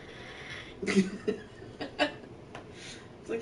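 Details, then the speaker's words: A cat offered its medicine makes several short, irregular, hoarse grunting or groaning breathing noises that the owner calls wheezing, "more like death groans"; otherwise the cat seems normal. "She called it wheezing. I guess it's wheezing. It's more like death groans."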